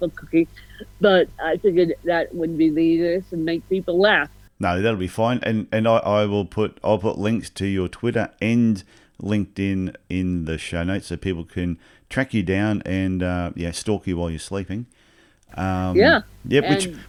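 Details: Adult male speakers in conversation; no disorder.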